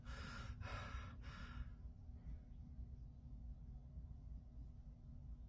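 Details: Person trying to sneeze with eyes open: three sharp, breathy gasping catches of breath in a row building toward a sneeze, then quiet room hum.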